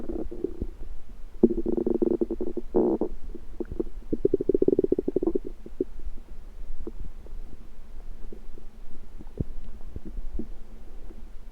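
Irregular gurgling and rumbling bursts from the belly, typical ordinary stomach noises from moving gas and fluid.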